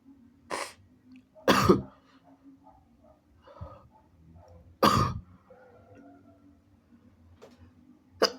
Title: wet sneezes & nose blowing (he/they)